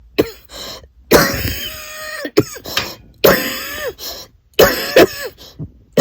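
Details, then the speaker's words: An adult with a chest infection and chronic aspiration of food, liquid and stomach acid, lasting over a decade, without a J feeding tube and no longer helped by medication, gives repeated harsh coughs with strained, gasping voiced sounds between them. "So, at the beginning of the video, that's what aspiration looks like with a chest infection. and you get that cough and it goes for hours and days and there's nothing you can do and it's very exhausting"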